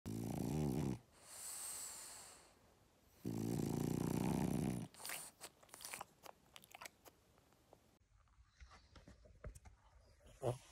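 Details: Sleeping French Bulldogs cuddled up with their owner: loud, rattling snores in long breaths, then softer snuffling and clicking; snoring typical of flat-faced dogs.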